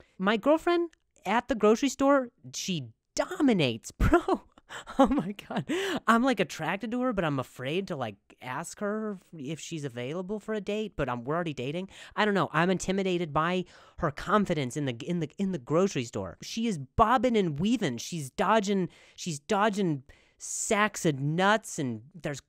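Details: Adult comedian who stutters, with repeated words and phrases. Finding: stuttering.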